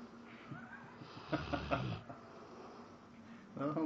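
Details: Sleeping Labrador Retriever, apparently dreaming with twitching and eye movements; rough, fluttering inspiratory snore with faint room sounds: snoring.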